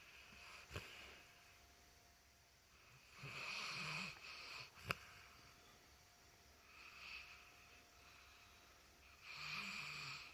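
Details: Light snoring during sleep: soft, hissing, slightly rattly breaths recurring every few seconds in a quiet room, with a couple of sharp clicks.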